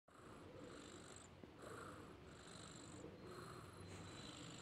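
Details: Cat snoring: continuous soft rasping breathing with a hissing edge on each breath, roughly every one and a half seconds.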